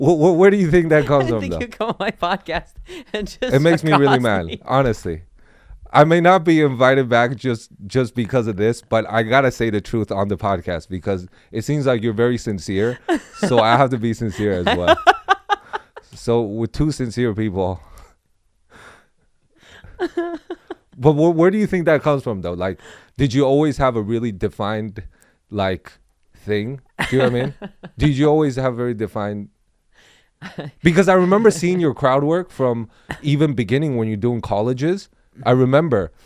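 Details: Adult male speaker; normal conversational speech.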